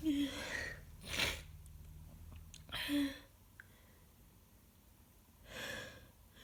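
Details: Person sick with a bad cold, heavy congestion and constant mucus: gasping build-up in-breaths before forceful sneezes, about three bursts in six seconds, a sneezing fit.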